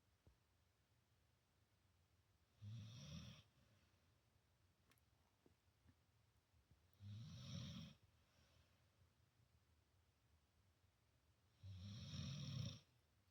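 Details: Dog snoring loudly while sleeping next to a cat: three loud, regular snoring bursts about every four and a half seconds, roughly 13 breaths a minute, in a quiet room.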